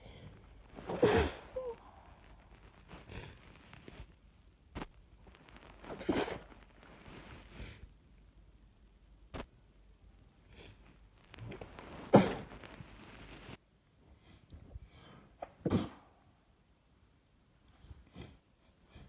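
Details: About five muffled sneezes into a sweater sleeve, with sniffing, sighs and clothing and bedsheet rustle in a quiet room; morning sneezing fit with itchy nose, unsure whether cold or allergies.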